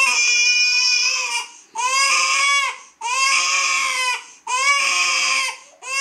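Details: Baby girl with colic, before gripe water: loud, high-pitched, sustained infant wails in long repeated bursts, about one every 1.5 seconds; infant colic crying.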